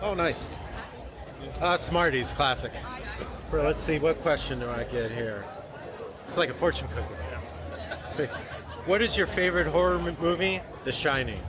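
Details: Adult male speakers in a public space; Normal speech.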